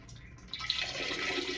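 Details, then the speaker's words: Distilled water pushed from a syringe into an ostomy pouch during twice-daily irrigation, without adding air; soft hiss and trickle with quiet room sound. "this has got distilled water. You just plug it in as you're peeing. It helps. You push the water in. Don't put air in your pouch."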